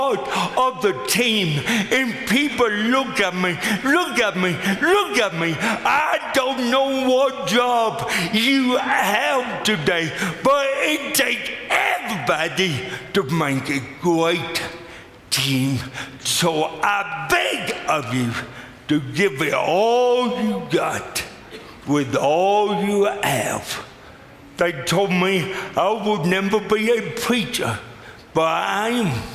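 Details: Adult man with lifelong cerebral palsy; speech dramatically affected by the disability; dysarthria (cerebral palsy).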